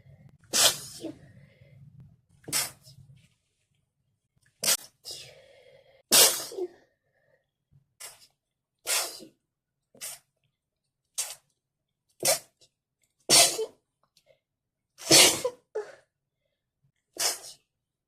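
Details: Sneezing fit with a cold: about a dozen sharp, explosive sneezes in rapid succession.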